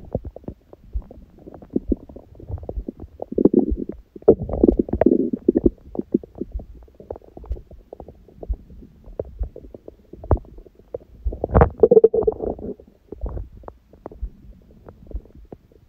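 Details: Adult on a raw-food diet, belly recorded after a large meal (first meal at 16:00 following a fast since 19:00 the previous day): frequent gurgles, clicks and longer rumbling growls; normal active bowel sounds.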